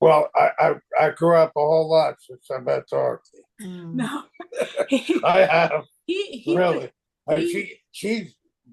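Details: Aphasia from stroke in an adult male, 25 years after the stroke; chronic post-stroke aphasia.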